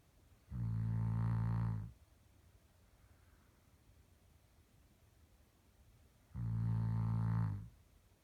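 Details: Snoring in a sleeping dog: two long, deep, buzzing snores on the in-breath, separated by quiet breathing.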